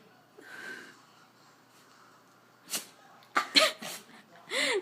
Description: We couldn't figure out why, but my dog Zoe could not stop sneezing for about twenty minutes.